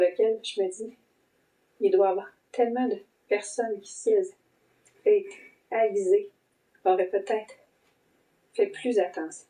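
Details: Adult woman with long COVID for about 10 months since December 2020, with vocal cord sequelae and audible vocal cord blocking at times, plus breathing symptoms, brain fog and dysautonomia; dysphonia with intermittent voice blocks.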